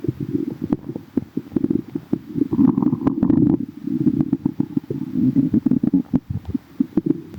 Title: tummy hurts | stomach growling